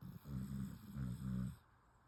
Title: Tigger Snoring